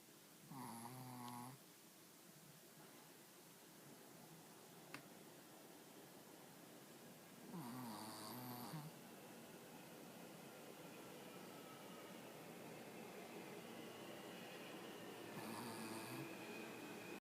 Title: Hercules sleeping n snoring